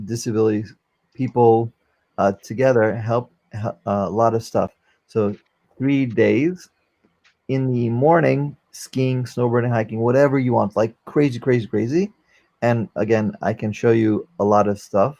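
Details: 44-year-old man, a former paramedic, with aphasia after a stroke during valve surgery; he cannot use one arm since the stroke; aphasia.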